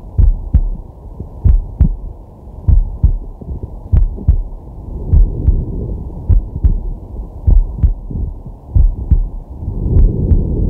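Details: Male at rest, digital stethoscope on the chest: a steady two-part lub-dub heartbeat at about 50 beats a minute, with slow deep breathing in the background; normal heart sounds.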